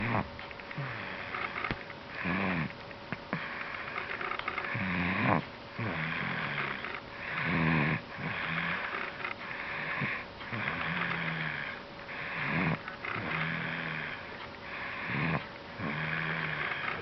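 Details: Sleeping after playing, knocked out: steady snoring, about 23 breaths a minute, with rough low snores on each inhale and a soft breathy exhale.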